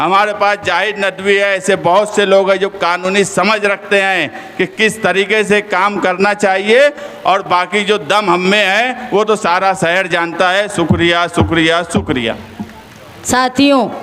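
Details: Adult male speaker; Normal voice.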